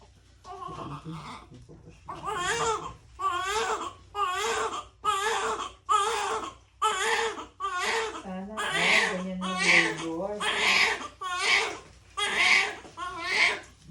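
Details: Repeated strong, high-pitched bursts of newborn crying, each about a second long, in a small room during newborn care of a first baby; a vigorous normal newborn cry.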